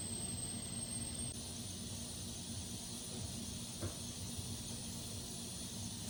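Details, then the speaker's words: A dental assistant's routine twice-weekly cleaning of the suction lines with solution and water: a steady loud rushing hiss with a thin high whistle. "now I'm just cleaning my suction lines with solution and water so I like to do this twice a week"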